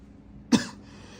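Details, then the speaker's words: A single short, sharp cough from an adult in a quiet room, acted for a comedy skit; the coughing son tells his mother he is not sick, just clearing his throat. "Sen hasta mı oldun? Yok anne ya, hasta değilim. Boğazımı temizleyeyim."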